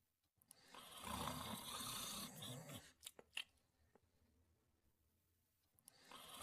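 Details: A sleeping dog gives one long, rough, rattling snore, then a quiet pause with small clicks before the next snore begins; snoring.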